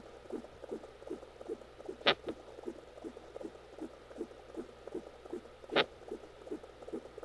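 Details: Fetal hiccups heard as little thumps, recorded on a home Doppler during labor in a twin pregnancy with girls.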